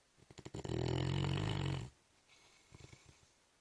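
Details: A large sleeping Mastiff dog in deep sleep gives a single long, low, rumbling snore with a few soft snuffles before and after; snoring.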